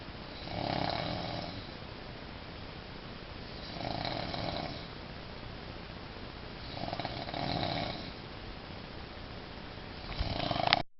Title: snore of the century